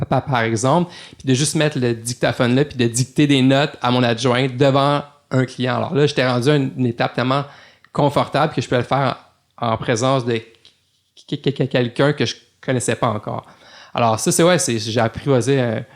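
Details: Adult man, a lawyer who stutters, reports stuttering a lot in some situations; speech with stuttering.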